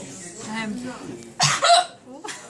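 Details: Person with hiccups: two sharp, abrupt voiced gulps with brief catches of breath, heard between soft vocal sounds; hiccups.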